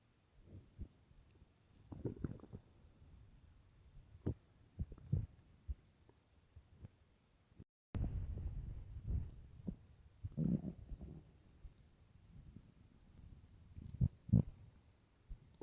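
Repeated low, gurgling rumbles in several bursts, some loud: stomach growling from an empty stomach.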